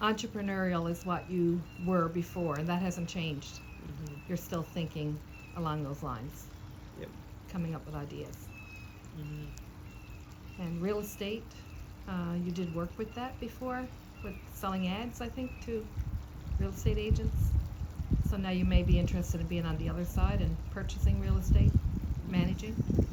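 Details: Adult interviewer; normal speech.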